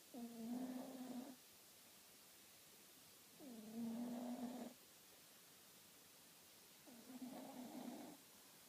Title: Simba snoring